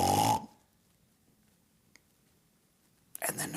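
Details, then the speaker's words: Imitated obstructive sleep apnea: a loud snore, nearly three seconds of silence, then a noisy gasp for air. It mimics the repeated breathing pauses caused by upper airway obstruction; this is a simulation, not a real patient. "what is sleep apnea it's heavy snoring with repetitive pauses in breathing I'm going to emulate it but I can't possibly put out the volume that wakes an entire household up when a person has sleep apnea sounds like"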